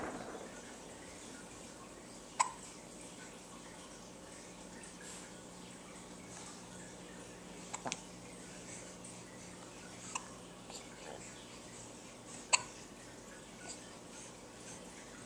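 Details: Daughter with hiccups: brief sharp catches about every few seconds, about five over steady room noise.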